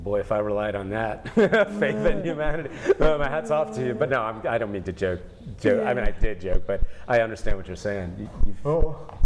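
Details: Adult male speaker; conversational speech.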